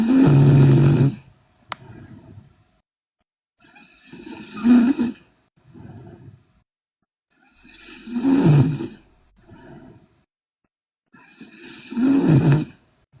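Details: Korean girl asleep: loud, rough snores on each in-breath at about 15 breaths a minute, quieter breathing between; loud snoring.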